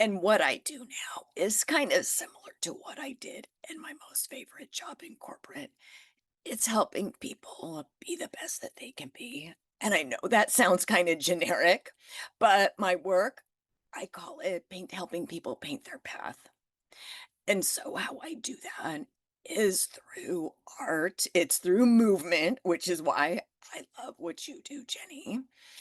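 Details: Adult woman with spasmodic dysphonia that began after stress and illness while building her business. It is still present and being managed naturally, without Botox: spasmodic dysphonia.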